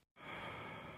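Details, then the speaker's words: Patient taking deep breaths in and out with mouth open during chest auscultation in a respiratory examination, comparing both sides alternately; exaggerated breathing over a long period may cause dizziness or tetany. "careful not to ask the patient to take exaggerated breaths for a prolonged period as this may cause dizziness or even tetany"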